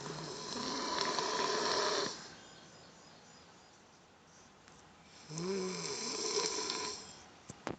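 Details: Funny snoring: two loud rattling snores a few seconds apart, each with a rising-and-falling pitch, with quiet breathing between them.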